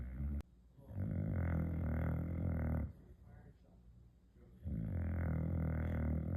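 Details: Boxer dog snoring.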